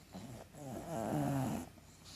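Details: 7-year-old pug, dead asleep, snoring: a single loud, rattly, buzzing snore rising and fading over about a second.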